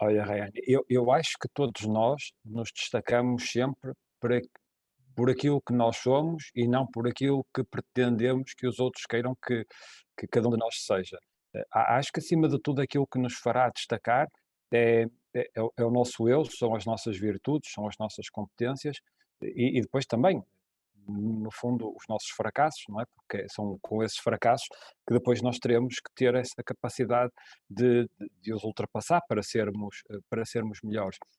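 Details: Adult male speaker; ordinary speech.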